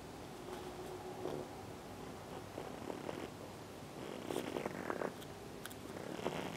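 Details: A pigeon snoring.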